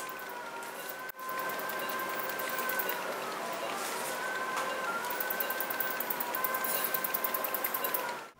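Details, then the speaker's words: Phacoemulsification machine whirring, humming and clicking during quadrant aspiration with mainly torsional energy on a soft nucleus, in cataract surgery on a 75-year-old woman with pseudoexfoliation, a small non-dilating pupil (stretch pupilloplasty, BHEX device) and a toric IOL. "so now we're moving to the quadrant aspiration mode wherein i'll be using predominantly the torsional energy"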